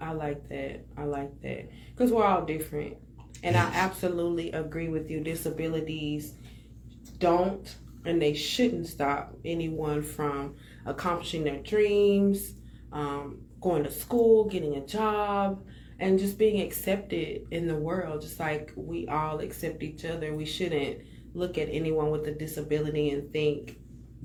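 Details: Adult speaker; ordinary speech.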